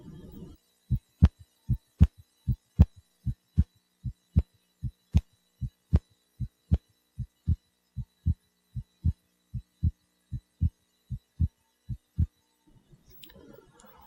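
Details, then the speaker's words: Heart sounds at the pulmonic area with the patient lying down, the position for evaluating splitting of the second heart sound: regular beats at about 77/min. "auscultation the pulmonic area where the patient lying is the best position to evaluate splitting of the second heart sound"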